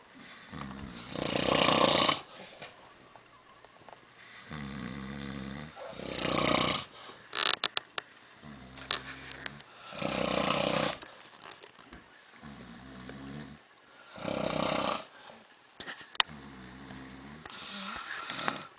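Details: Loud rattling snores on each in-breath in a cabin, irregular and overlapping as if from more than one sleeper, with quieter breathing between; snoring.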